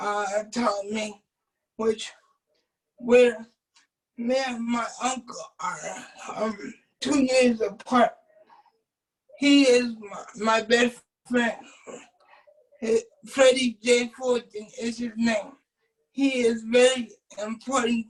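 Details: Adult man with cerebral palsy who uses a wheelchair; at birth doctors told his family he would never be able to speak; dysarthric speech (cerebral palsy).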